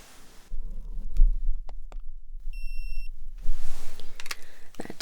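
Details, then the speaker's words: Ear thermometer beep during a simulated ASMR head-to-toe physical exam roleplay: short steady electronic beep as the reading finishes in the ear after a forehead check, soft handling noise, quiet room; reading 37, no fever concern. "Okay, so I'm now going to check your temperature. So first I'm going to pop it on your forehead. Okay. Okay. Now, I'm going to pop it in both of your ears and see what that says."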